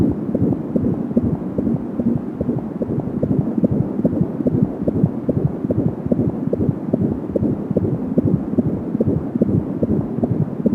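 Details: Fetal heartbeat at 19 weeks of pregnancy heard with an Angel Sound home fetal Doppler: rapid, regular galloping beats at about 170 per minute, with a soft whooshing umbilical cord sound in the background.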